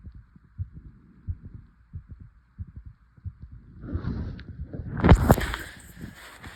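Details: Rapid, regular low heart thumps, then loud rubbing and handling noise near the end: a fast heartbeat (tachycardia).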